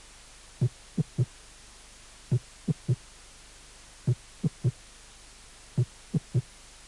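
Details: Third heart sound (S3 gallop), a teaching recording from a cardiac auscultation course, presented after the fourth heart sound example.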